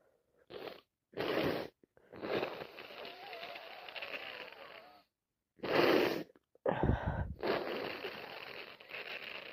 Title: Day 1 of cold , sneezing and blowing my nose #achoo #commoncold #cold #sno